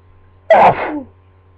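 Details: A single loud, slightly muffled sneeze into a pillow in a quiet room, from a person who just woke from a nap and worries it may be another cold; sneezing.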